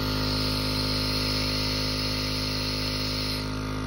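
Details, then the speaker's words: Penguin pediatric compressor nebulizer switched on and running empty, described as a little loud, with air coming out of the cup: steady loud motor hum with fast regular pulsing; a nebulizer compressor running normally. "okay i'm gonna turn it on that's what it sounds like i mean it is a little loud and like i said the air just comes right up through here"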